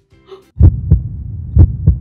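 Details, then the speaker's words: Normal heart sounds, a doctor listening to the doctor's own heart with a stethoscope diaphragm: two clear lub-dub heartbeats with a faint tone at the start. "i can hear it can you hear it too it sounds like this wow that's really cool so the heart makes sounds by squishing"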